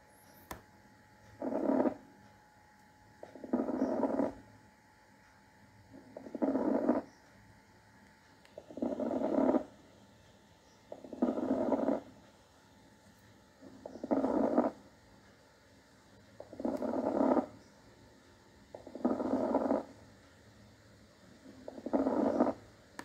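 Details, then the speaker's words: Fine crackles: a recording played into an AI-enabled digital stethoscope, built from a stethoscope, collar microphone and filters for detecting COVID symptoms, with regular breaths about 24 a minute and a rough crackly texture. "so now we are going to play some sounds of fine crackles and let's see what are the results of the model"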